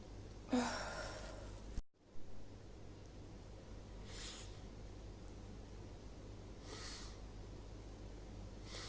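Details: Female with a newly starting cold, sneezing: one sharp sneeze burst, then fainter airy bursts every few seconds against steady low room hum.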